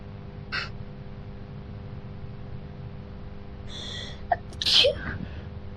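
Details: Forceful sneezing fit with a sharp breath in before a sneeze and a smaller earlier burst, in a young woman with many allergies who sneezes nonstop after neighbors' cat moved in next door.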